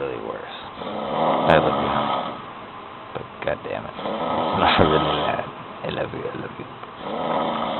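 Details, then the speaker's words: Loud, rough, rattling heavy snoring in repeated cycles rising and falling over about eight seconds, described as "demon snores" that sometimes get much worse. "talking about the demon snores. Sometimes they get worse, like really,"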